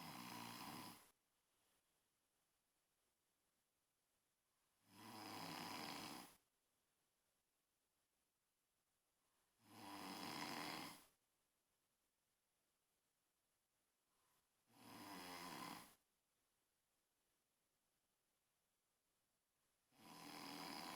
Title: Den snoring